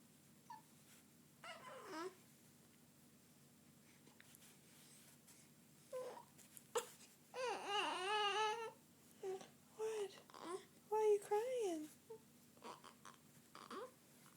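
Short whimpering cries and fussy babbling from an infant, with one sharp burst partway through, in a quiet small room.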